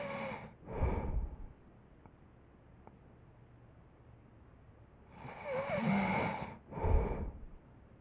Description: 5 minute clip of snoring. Join me in my dream.